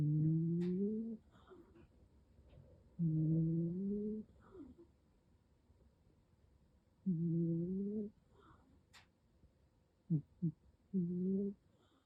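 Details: Female cat asleep: slow, low, rumbling snoring breaths with a faint tone, about 15 a minute.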